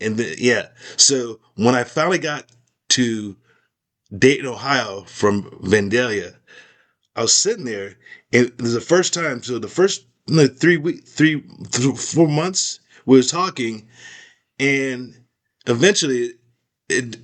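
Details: Aphasia in a man after a stroke; part of his skull was removed during recovery.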